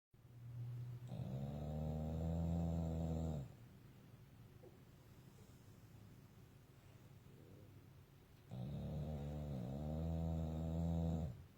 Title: Carmelo pitbull/boxer SNORING🤪🤣